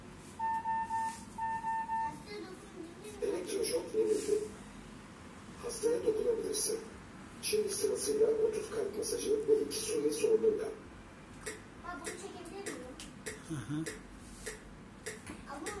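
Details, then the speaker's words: Automated external defibrillator use with Turkish voice prompts: rhythm analysed, shock advised, "do not touch the patient." Short electronic beeps, then a steady tone while it charges before delivering a shock. "Elektroşok gerekli. Elektroşok hazırlanıyor. Hastaya dokunma."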